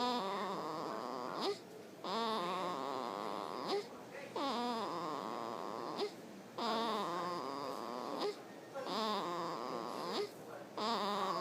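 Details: 4-day-old newborn: rhythmic high-pitched crying in bursts with brief gasping pauses, about five cries in eleven seconds.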